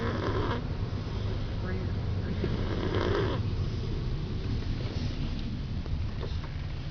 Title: my little bro snoring like crazy